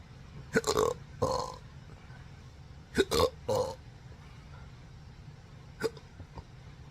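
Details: Several loud voiced belches in quick clusters, a softer one near the end, in a patient with daily intractable hiccups and burping since December 2015 after surgery with multiple nerve damage, including pudendal nerve injection.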